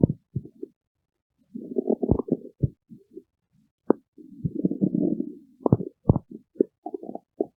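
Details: Low gurgling rumbles and bubbly pops from the abdomen: stomach growling (borborygmi).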